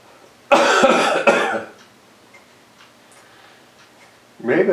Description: I had a bad cough, should stay home.